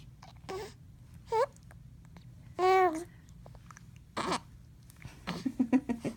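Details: 10-week-old infant with hiccups: short abrupt catches in the breathing, with squeaky coos and small vocal sounds between them. Infant hiccups.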